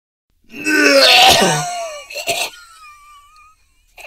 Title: Bad Cough Sound (#1) - ROYALTY FREE SOUND